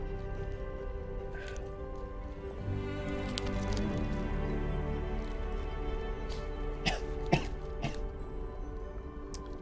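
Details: Three quick, sharp coughs in a row, partly masked by steady background music, triggered by the irritant heat of eating extremely hot chili corn chips (estimated 1.5 million Scoville) on a live stream; hiccups follow.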